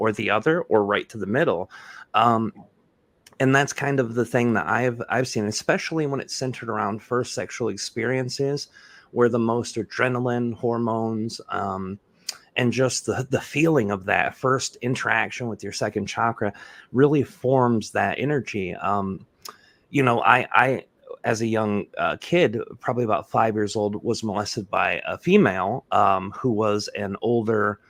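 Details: Adult male speaker; typical speech.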